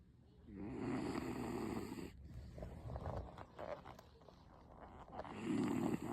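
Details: Loud snoring from a sleeping 16-year-old female Beagle, an elderly dog, possibly a lifelong snorer according to the owner, who says the dog sleeps contentedly.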